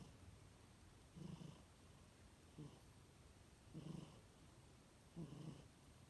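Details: Soft, low buzzing snores from a kitten sound asleep, one with each breath at about 45 a minute, over quiet room hiss.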